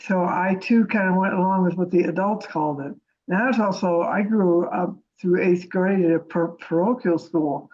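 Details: Lifelong stuttering, present since childhood, in an adult woman who has been involved with a stuttering association for about a year.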